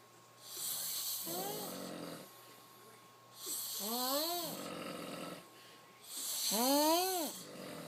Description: Couple of buddy's passed out on the couches at the house.